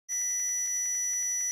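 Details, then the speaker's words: Simulated tinnitus: a steady high-pitched electronic whine with a faint pulsing buzz, imitating a permanent ringing the speaker hears; a doctor attributed it to overtired ears. "permanence c'est un acouphène j'en peux plus"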